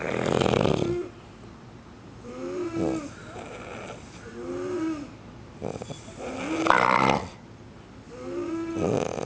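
Loud, rough snoring on each breath, some breaths ending in a whistling, nasal tone, with quieter breathing between them.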